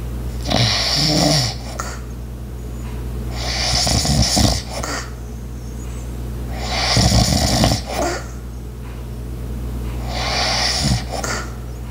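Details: Regular light snoring, about 16 breaths a minute, with rough snorts on in-breaths and a steady ice maker or appliance hum behind; snoring.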